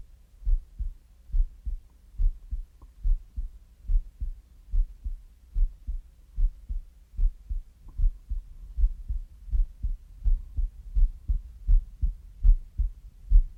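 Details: Steady low paired heartbeat thumps at about 70 beats a minute. Heartbeat.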